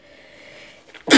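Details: A person who is ill: a quiet, breathy inhalation builds up, then ends in one sudden loud sneeze.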